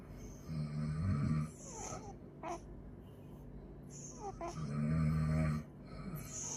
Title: snoring day